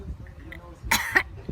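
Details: Two short, harsh cough bursts after quiet breathing; a plain cough.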